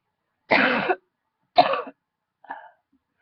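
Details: Two dry coughs followed by a small third one in a quiet room, a short bout after a huge throat tickle; coughing.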